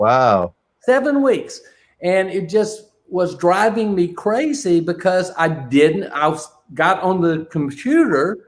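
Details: Man with aphasia since a stroke during heart valve surgery in 2007, non-fluent type; shortly after the stroke his speech was limited to single words; real chronic post-stroke aphasia.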